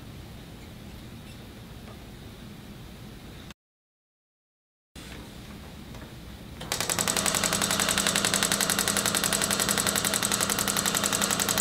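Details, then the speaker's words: Storz MP200 radial shockwave therapy device treating plantar fasciitis, applied from the calcaneal tuberosity along the central plantar fascia of the foot: fast, steady stream of sharp mechanical taps about 220 a minute after quiet room noise. "today we are going to demonstrate to you the treatment of plantar fasciitis using the stallers MP 200 shock wave therapy machine"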